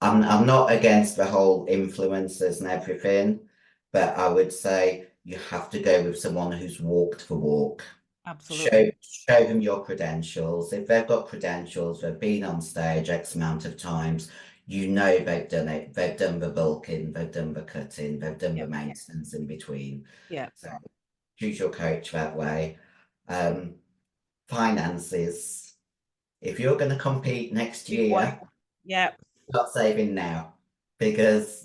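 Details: 56-year-old female bodybuilder with a virilized voice (androgen-induced deepening) after large doses of anabolic/male steroids. Her formerly high-pitched voice is now very deep and she can no longer sing. She also has chronic kidney disease and past liver damage.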